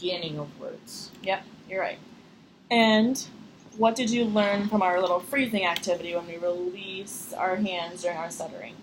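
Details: Adult woman speaking; normal speech.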